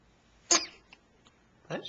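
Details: Sneeze while looking at herself in a mirror: a single sharp, hissing burst followed by a second softer burst.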